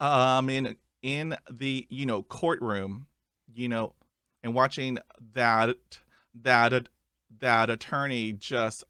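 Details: Adult male who stutters; stuttering.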